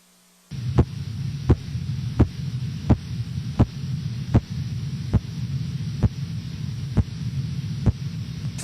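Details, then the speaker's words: Blood pressure measurement by auscultation, cuff deflating toward the point where sounds disappear (phase 5, diastolic): regular soft tapping about 75 a minute over a low hum; Korotkoff sounds. "5 sound is not really a sound, but rather is the level at which sounds disappear. Phase 5 indicates the diastolic blood pressure."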